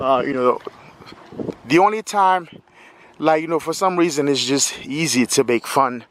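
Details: Stuttering in a 46-year-old adult male speaker who has lived with a stutter his whole life.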